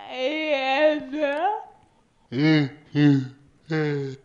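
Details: Two adult speakers with severe speech disorder; severe dysarthria.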